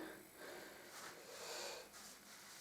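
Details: Person with lifelong retrograde cricopharyngeus dysfunction (inability to burp): heavy, effortful breathing with faint wheezy, sniffing quality from gas bloating pressing on the diaphragm: breathlessness.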